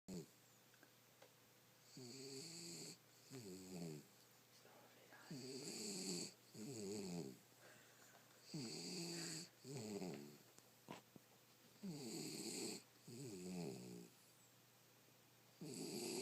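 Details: Jack Russell puppy sleeping with eyes open snores loudly in a steady rhythm, about 18 breaths a minute, rattling and buzzy; snoring.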